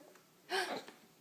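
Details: Young child with hiccups: a single abrupt, voiced gulp in a quiet room.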